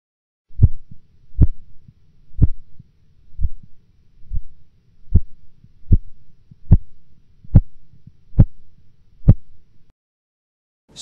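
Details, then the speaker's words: Blood pressure measurement by auscultation: Korotkoff sounds begin at systolic 162 mmHg, then fall silent for 4 mmHg before returning strongly, an auscultatory gap. "In the following example, the systolic blood pressure will be heard at 162 millimeters of mercury, followed by an absence of sounds for 4 millimeters of mercury, after which they will reappear."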